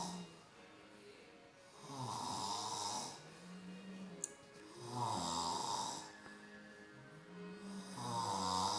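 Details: Stepfather asleep in front of the TV: loud, rhythmic snores on each inhalation, about 20 a minute, over quiet background music; ordinary snoring.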